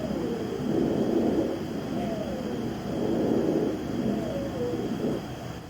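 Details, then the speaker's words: Simulated breath sounds of a patient with asthma: high, musical whistling tones woven through the airflow; wheezing. "those patients with asthma might sound like this"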